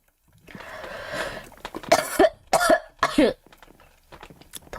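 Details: Girl coughing, who says she is coughing a lot and has a headache: a throat-clearing rasp, then a bout of about five harsh, somewhat wet coughs in quick succession; cough.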